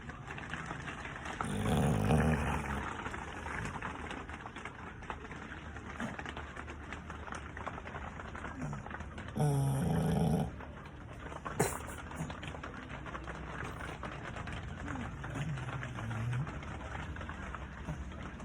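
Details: Rough, low snores recurring over steady rain noise from sleeping dogs: snoring.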